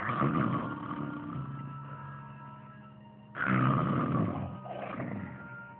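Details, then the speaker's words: Simulated cartoon snoring from Looney Tunes (Daffy Duck): long rumbling, growl-like snores with music underneath, someone urging him to wake up. "hey wake up come on you're snoring wake up Daffy wake up"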